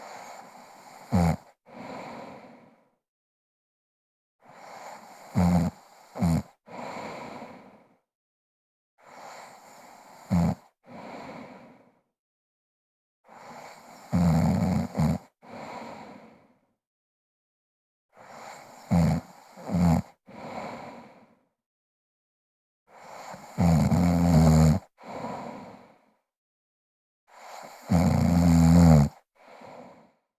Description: Lady snores and breathes heavily while sleeping sound effect